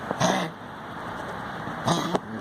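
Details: Child (boy) coughing, encouraged to finish his coughing fit.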